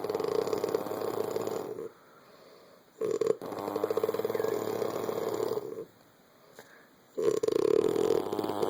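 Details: Woman snoring like a dirt bike, two sounds at once, who denies she snores: loud, rattling, buzzing snores on long breaths, about three cycles with quiet pauses between, during sleep.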